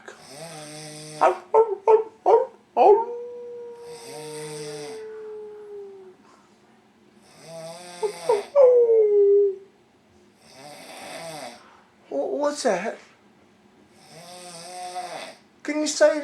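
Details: Male bull bison sleeping during the day, around noon, gives rough, rattling snoring breaths every few seconds, broken by drawn-out whining, howl-like vocal tones; snoring.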